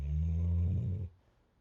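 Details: Female sporting dog, deeply asleep after a full weekend of running and training: one deep, low, rumbling snore on a breath, then quiet; snoring.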